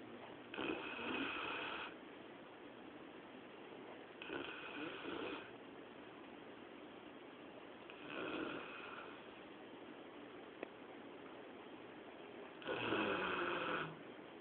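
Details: Labrador Retriever sleeping indoors at 2 a.m.: soft rasping snores about every four seconds, roughly 15 a minute, over quiet room hiss.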